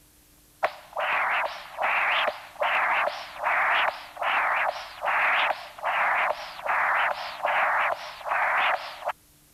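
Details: Continuous-wave Doppler, apical transducer across tricuspid valve: congenital severe tricuspid stenosis (area 0.9 cm², diastolic velocity 2 m/s, gradient 16 mmHg) with mild tricuspid regurgitation (1.8 m/s); thickened immobile leaflets, markedly enlarged right atrium.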